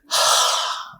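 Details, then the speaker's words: Demonstrated huff (forced expiration technique) for chest phlegm: after deep breaths, one long, forceful open-mouthed breath out like fogging a mirror, done instead of coughing, repeated 4–5 times to bring phlegm up. "இரும கூடாது டைரக்டா ஹப்பிங் அப்படின்னு சொல்லுவோம். இப்ப ஒரு முகம் பாக்குற கண்ணாடி இருக்கும். அதுல மிஸ்ட் வர வைக்கிறதுக்கு அப்படின்னு பண்ணுவோம் இல்லையா"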